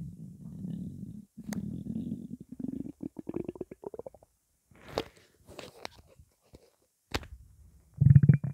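Long low gurgling growls rising in pitch, then scattered bubbling squeaks: stomach rumbling from an empty belly, a normal hunger sound.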